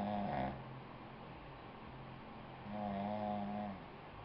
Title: woman snoring